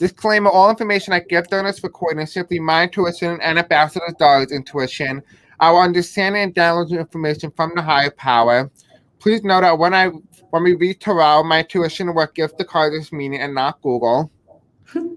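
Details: Adult speaker; Deaf speech.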